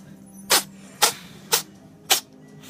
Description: Max, sneezing his poor little face off.